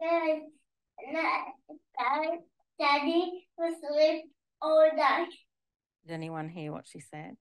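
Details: Young girl with a DDX3X-related condition; childhood apraxia of speech with marked dysarthria.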